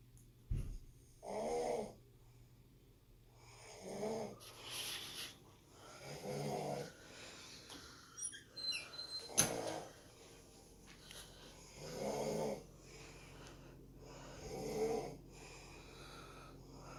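Rhythmic rattling snores on each breath in, six in about seventeen seconds, roughly 20 breaths a minute, in a quiet room.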